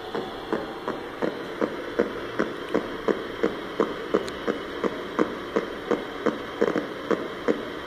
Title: EMG recording sharing brief discharges consistent with myokymia: JNSK